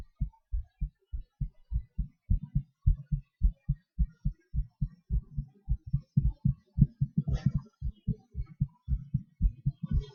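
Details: Self-recorded own heartbeat during breath-holds and panting (hyperventilation): clear paired thumps whose pace shifts, closing up faster in places then spacing out; heart rate variation with breathing manoeuvres.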